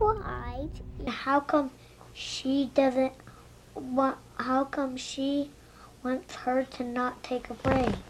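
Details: Young child learning to talk, with word repetitions, interjections such as 'um' and revisions; normal developmental disfluency.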